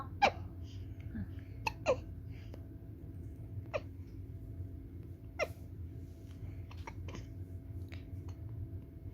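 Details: Newborn baby's hiccups: brief, sharp catches in the breath repeating about every one to two seconds over a steady hum.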